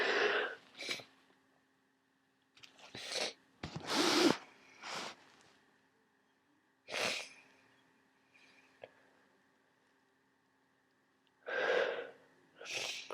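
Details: Several sudden explosive sneezes with sniffs and snorts between them from someone with a worsening head cold, sneezing frequently and feeling awful.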